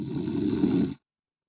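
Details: Single loud, rattling inspiratory snore lasting about one second, then silence; snoring.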